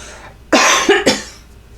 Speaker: Sorry for the cough. I'm really not sick. I know it sounds like I am, but I'm not.